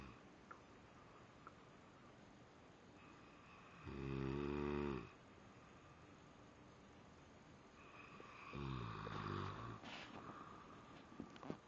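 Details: Two low, rattling snores about four seconds apart, each lasting around a second, over quiet room noise; snorer is either a cat or a person; ordinary sleep snoring.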